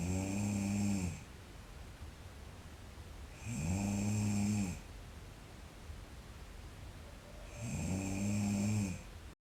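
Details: Sleeping girl snoring: loud, rumbling snores on each in-breath, about 15 a minute, with quiet pauses between; ordinary snoring.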